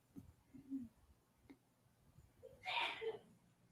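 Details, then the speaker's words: A single sneeze is heard in the background, and the people present remark that it was a good one: sneeze. "Did you hear that? I heard that sneeze. Yeah, it was sneezing."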